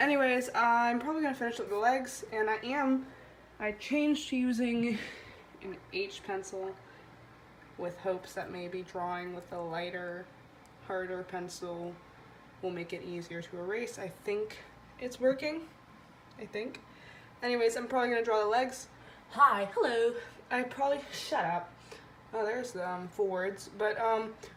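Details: 15-year-old girl with self-described severe-ish Tourette's; motor tics began around age 12 and vocal tics about a year ago, with full words and phrases that wax and wane; tics not edited out; vocal tics (Tourette syndrome).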